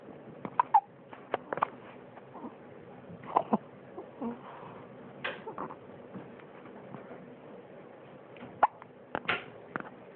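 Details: Infant hiccups: soft, repeated little catches and squeaks from a baby, about six in ten seconds.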